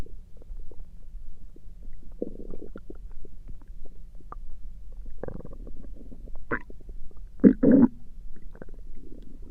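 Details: Stomach noises recorded through the night: low gurgling and rumbling with a few louder squelching bursts over a steady low hum; ordinary bowel sounds.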